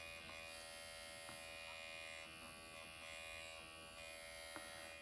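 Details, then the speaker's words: Motorized microneedling pen (MD Needle Pen) on numbed facial skin around the lips, upward strokes along the lip line: continuous whining buzz with occasional light ticks as it moves over skin. "I'm going to do around my lips now, so I can't really talk. I'm going to do an upward motion, and then just on the lip line here."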